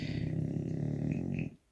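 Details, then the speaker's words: Snoring from a pet sleeping warm under its duvet with its little ball on a Sunday: the owner's sleeping "little baby"; species not stated. "entendez le bill comment il ronfle il est bien au chaud là sous sa couette et sa petite balle"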